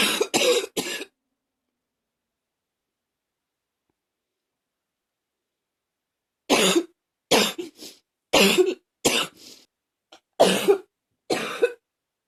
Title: #38 simply coughing